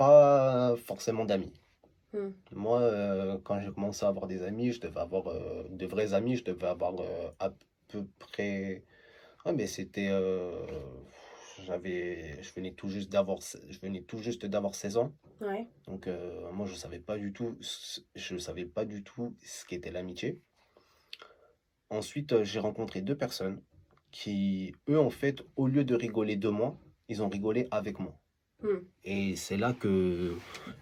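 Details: Adult male who stutters; stuttering.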